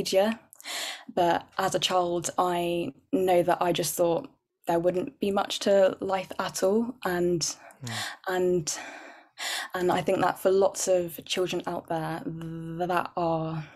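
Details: Adult woman who stammers, with repetitions and blocks, describing her speech as very overt; stuttering (stammering).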